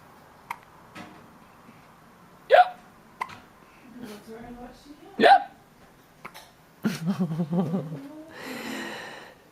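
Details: Two sharp, abrupt catches in breathing a few seconds apart, with soft voices and baby-like sounds around them: hiccups.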